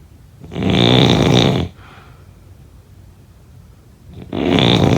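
Loud, rough, rattling snores on inhaling, separated by quiet exhaling, from a sleeping adult.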